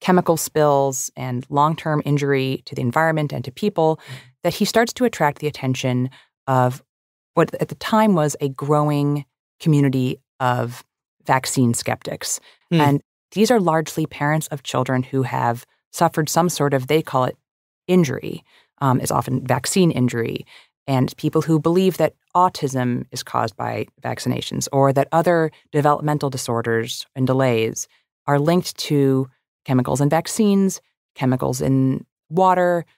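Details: Adult male narrator; normal voice.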